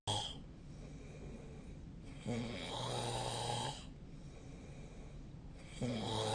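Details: Sleep recording made with a snore-tracking app: rough, low snores on breathing in, about three over six seconds, with quieter breathing out between them.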